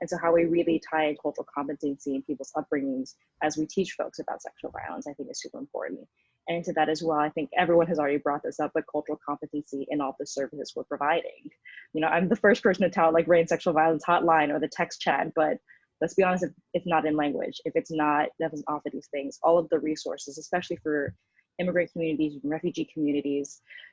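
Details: Adult speaker; typical speech.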